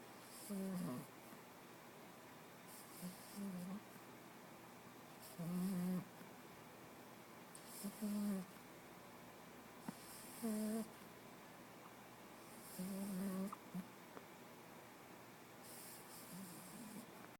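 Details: 8-week-old Porkchop, tired from playing, with low rattling snores about every two to three seconds, roughly 25 a minute, and quiet room noise between; snoring.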